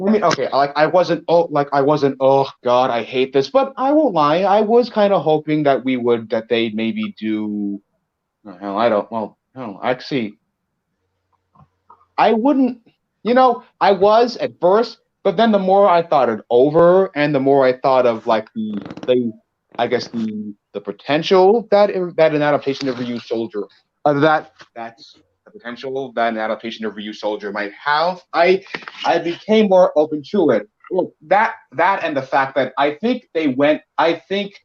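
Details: Male podcast co-host who reports having a bit of a speech impediment, type not specified; speech disfluency.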